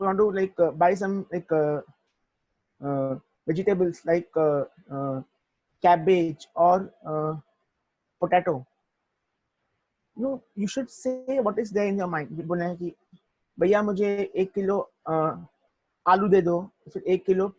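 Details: Young adult man who stutters: stuttering.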